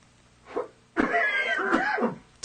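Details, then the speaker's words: Simulated demonstration of coughing into the sleeve, one of a series of acted coughs by random subjects: a soft lead-in, then a loud, muffled cough burst. "you will now see a series of coughs and sneezes performed by random subjects"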